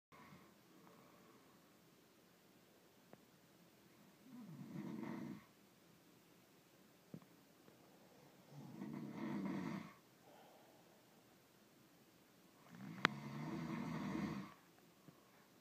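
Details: Sleeping man gives three loud, rattling snores on the in-breath, about four seconds apart, with quiet pauses between them: snoring.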